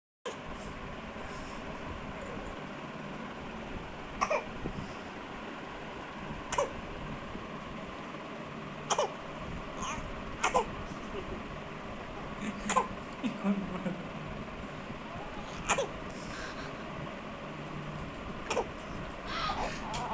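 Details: Infant cough: a baby gives about nine brief, sharp little coughs spaced a few seconds apart over steady room noise.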